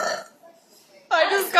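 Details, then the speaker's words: Girl burping: a faint voice fades, then a loud, rough, drawn-out belch of about half a second. "oh no I feel a burp coming I can't burp this back up"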